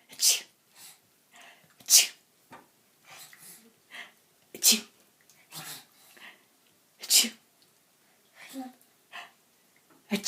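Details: Repeated sharp, hissy, sneeze-like bursts with quieter snorts between, from a person faking sneezes; imitated rather than true sneezing.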